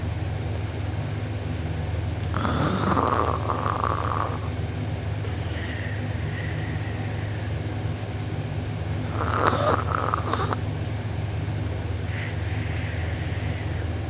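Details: Person asleep with mouth open and drooling, recorded by a sibling, who afterward reported a sore uvula and soft palate; two loud, rough, rattling inhalation snores about seven seconds apart, about nine breaths a minute; snoring.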